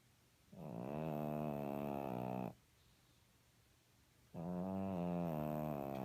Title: Snoring Kitty Kat